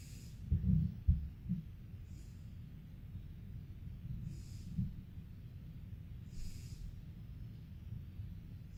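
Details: Snoring, 92-second recording: soft, low snoring breaths repeating throughout, with a few louder snorts near the start.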